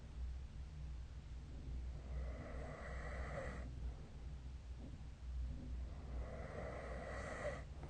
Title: 🐽 Snoring Sleep Sound